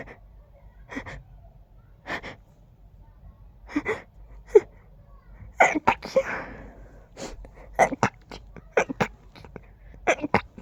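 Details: Person with allergies acting up, feeling the urge to sneeze with every breath: rapid run of many stifled, muffled sneezes with quick catching breaths between them; sneezing fit.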